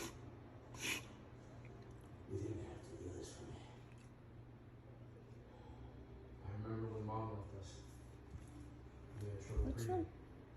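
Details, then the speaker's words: A female Alaskan Malamute has bursts of harsh, snorting inward breaths. The vet diagnosed reverse sneezing, nothing to worry about, but also a cough issue treated with antibiotics and cough medicine. "The doctor said she had reverse sneezing and that we had nothing to worry about."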